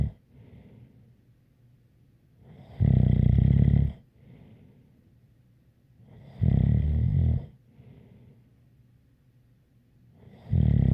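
Loud, low rattling snores about every four seconds, with a faint whistling breath between them. Snoring with a light whistle.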